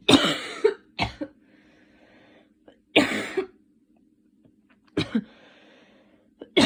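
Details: Person still sick with a cold and cough, recent fever, using an inhaler: four harsh, wet-sounding coughs, some in quick double bursts, with breathing between.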